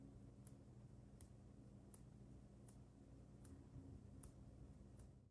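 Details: Mechanical heart valve clicks from a 27/29 On-X aortic valve with ascending aortic prosthesis, recorded 5 weeks after surgery: crisp, regular metallic ticks about 80 per minute, harsher on the recording than in person.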